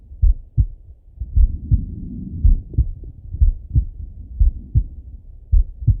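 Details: Slow, steady paired heart sounds from an adult male through a stethoscope, about 55 beats a minute, with a soft low hum; normal slow heartbeat.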